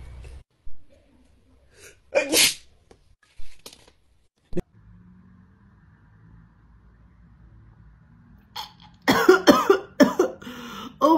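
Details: Sneezing set off by a self-administered nasal swab during a Covid-19 PCR test, female: one sharp sneeze with small noises around it, then loud exclamations and faint background music.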